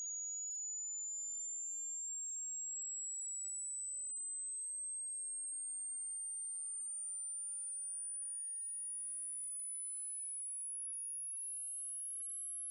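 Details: Pure tone sweeping steadily upward in pitch from 1 Hz to 20,000 Hz, built as a rough self-check of how high a frequency one's ears can hear; not an audiologically accurate hearing test.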